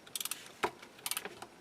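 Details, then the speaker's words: Sharp metallic ratchet clicks in two short runs with a soft thud, a torque ratchet wrench inserting a 2.9 mm Zest SATURNO narrow-diameter implant into a styrofoam mandible model (simulated); torque ratchet clicks. "torque ratchet it allows me to insert the implant fully until properly inserted"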